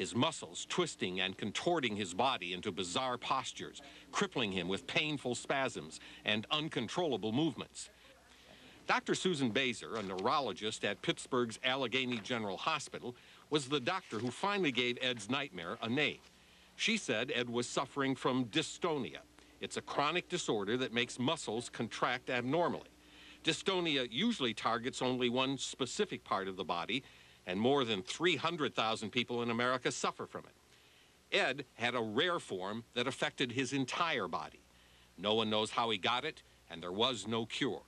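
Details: Adult male narrator; normal speech.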